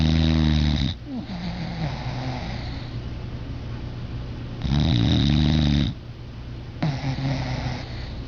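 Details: Angel, sleeping and apparently dreaming: loud, rumbling snores on each inhalation, with quieter breathing between them; snoring.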